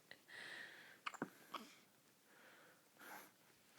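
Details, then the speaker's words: Baby hiccups, not relieved by burping, rubbing or patting and only stopped by nursing: soft breaths broken by a few sudden, sharp catches of air. "We just hang out and experience the world. And sometimes we hiccup."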